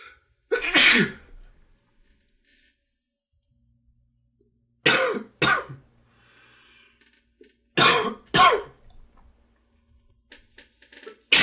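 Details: An adult with allergies coughs in the morning, with several loose, harsh coughs in short bursts and pauses: an allergic cough.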